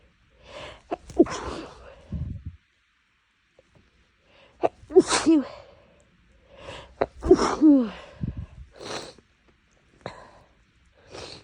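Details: Tickly sneezing fit after inhaling something while making lunch, nose bothered for days: about four sharp sneezes, each with a quick indrawn breath before it.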